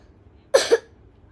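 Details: Child coughing after drinking cold water: a single short, harsh two-part cough.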